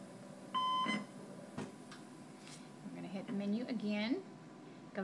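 A steady electronic tone sounds briefly as a ventilator is switched back on, followed by room talk; the normal start-up alarm of a ventilator.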